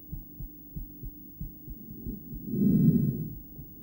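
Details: Self-recorded stethoscope heart sounds from a woman, alongside an ultrasound view, during breath-holding play: faint thumps in uneven pairs, closely coupled beats then longer gaps, one long pause after a push, loud breathing; intermittent bigeminal rhythm.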